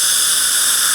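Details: Bite adjustment of a porcelain restoration with a diamond bur using circular movements around the contact spot: brief steady high-pitched whine and hiss of a high-speed dental drill.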